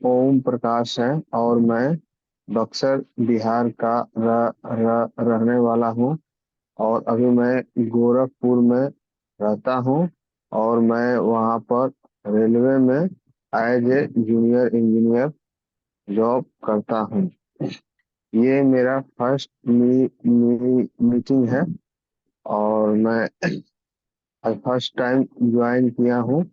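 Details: Stuttering in a male member of an online stammering support group introducing himself during a meeting, with repetitions; stuttering.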